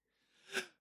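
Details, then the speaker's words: A single sneeze from an adult woman: a soft rising inhalation building into one sharp, hissing, voiced burst that fades quickly. "Is that really how you sneeze? That's my dad's sneeze."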